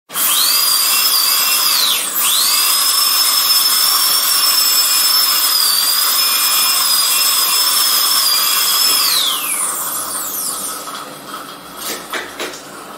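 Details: Dentist's drill: high-pitched whine that spins up, briefly dips, holds a steady shrill tone, then winds down.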